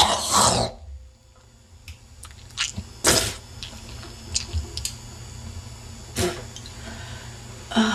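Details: Coughing attack in a woman, possibly a smoker: coughing fit with throat clearing and hawking of snot, a congested, wet, phlegmy productive cough.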